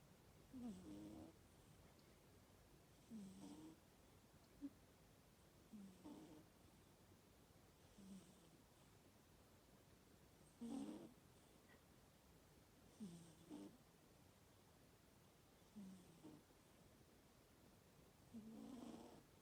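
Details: Pet sleeping on a thermal blanket and snoring loudly again; soft, regular snores in a quiet room, about one every 2.5 seconds, roughly 24 a minute: snoring.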